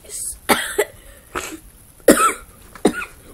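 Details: Child at home sick on a school day: four short, sharp coughs at irregular intervals, some with a brief throat-clearing quality; coughing.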